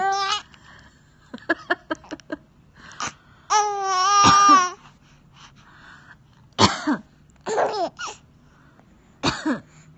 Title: Laughing at the mother's cough